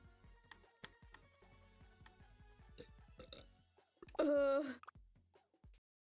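One deep, drawn-out, voiced burp with music playing in the background.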